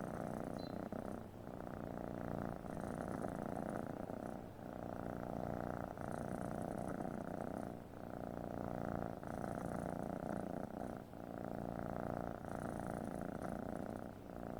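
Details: Cat purring at 12:30 at night: steady rumbling purr rising and falling with each breath in a quiet room.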